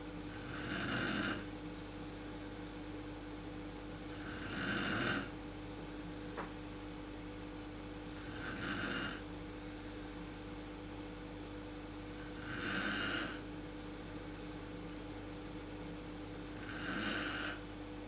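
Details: Mother snoring in the dark, worst at sleep onset, recorded with a PowerShot SX130 IS camera: loud rhythmic inspiratory snores about 15 a minute over steady room hum.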